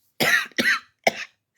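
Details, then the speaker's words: Three harsh, forceful cough bursts in quick succession from someone who reports coughing for the last few weeks and shaking when coughing; persistent cough. "I'm sitting here sick and coughing my guts up because of their fuck shit, and I'm not supposed to blame anybody."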